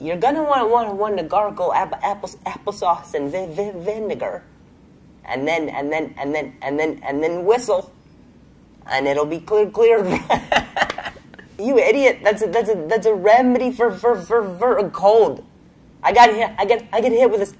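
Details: Stuttering in a man, a comedian, who has a stutter; he says he is feeling a little sick that day.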